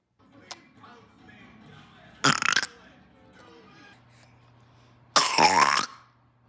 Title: The Burping Baby - Rapid Fire